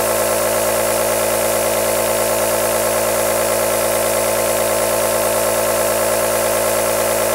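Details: A steady motor hum with a fast, even rattling pulse and a constant hiss: an aerosol nebulizer compressor running, played as a long white-noise track.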